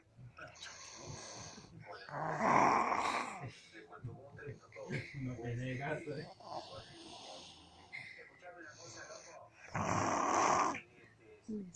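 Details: Rough, snorting snores on breathing in, repeated a few times, with soft room noise; snoring.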